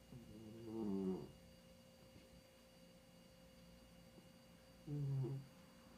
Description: This is my 15 yr old cat Babe -- Just listen to her snore !!! lol